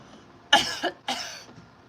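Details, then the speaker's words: Two sharp, harsh cough bursts from an adult in a small room, each with sudden explosive onset and brief rough tail, an irritant cough amid smoke. "I mean, yo, if you can hear me smoking out there, do your [ __ ] thing, booze. You can hear them coughing out there, too."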